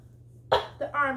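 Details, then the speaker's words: A single sharp cough followed by a brief vocal sound over low room hum, from an adult reporting allergy-season bronchial spasms with weather change, making breathing hard, and who uses an inhaler; cough. "y'all forget is allergy season okay I have bronchial spasms during this time because of the weather change for my lungs twitch it is hard for me to breathe"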